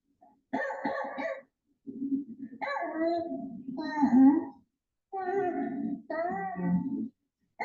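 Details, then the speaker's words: Young girl in the emergency room with croup and respiratory distress, retracting: harsh barking seal-like coughs with high-pitched inspiratory stridor between them. "When you hear croup, the noise almost doesn't sound human. It sounds like it's coming from an animal, like I said, like a seal, or some people compa"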